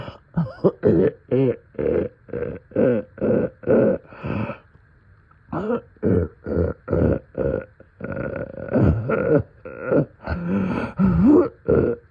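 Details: About two dozen deep, rattly coughs in quick bursts with a short pause, in the middle of the night with deep chest congestion; wet, congested cough.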